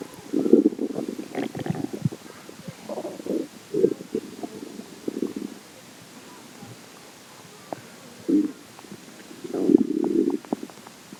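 Irregular low gurgling and rumbling bursts, some prolonged, with quiet gaps; ordinary stomach growling from gas and fluid moving through the gut.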